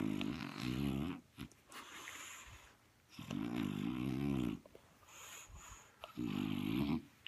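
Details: French Bulldog asleep at home after a tiring day, snoring: loud rattling snores with each breath in, about three in seven seconds, separated by quieter breaths out; ordinary snoring.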